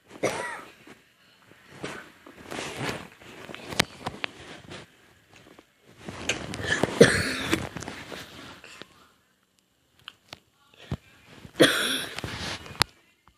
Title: More coughing sounds